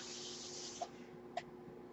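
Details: Mechanical ventilator breathing cycle heard behind a podcaster who notes the noise is his own ventilator: a steady airy hiss of airflow fades, followed by two soft valve clicks.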